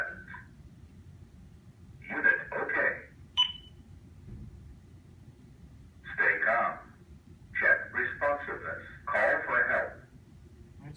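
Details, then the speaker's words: Zoll AED Plus demonstration: short bursts of recorded voice with a single beep between them as the automated defibrillator, after power-on, walks the user through the process with spoken prompts; AED voice prompts. "all they have to do is hit the power button alright the machine will tell them and walk them through the entire process"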